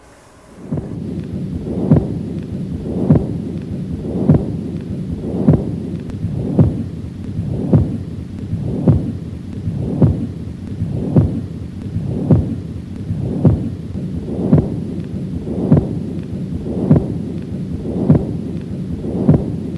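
Regular heartbeats about 50 a minute with a rumbling murmur that never stops between beats, running through systole and diastole: the continuous machinery murmur of patent ductus arteriosus.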